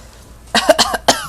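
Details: Young boy imitating his parent's cough: a quick run of light, voiced coughs, a deliberate voluntary cough rather than an illness cough.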